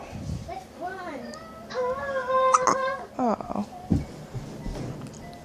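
Short whimpering infant cries broken by abrupt catches, with an adult's soft voice in the background. Fussing infant with hiccup-like interruptions.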